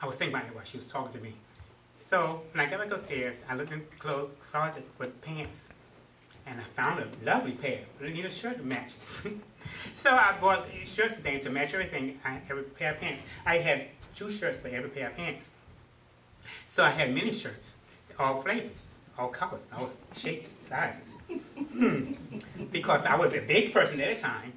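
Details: Adult man about 1.5 years after a November 2007 stroke, having attended speech therapy, reports his speech is worse than before; post-stroke aphasia (word-finding difficulty).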